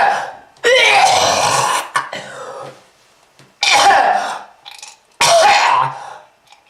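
Three harsh, wet, forceful coughing bursts with strained gasping between them, typical of a heavy smoker's cough from lung disease.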